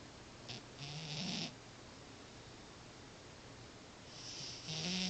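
Soft rhythmic snoring from a sleeping cat, with a raspy breath noise on each cycle.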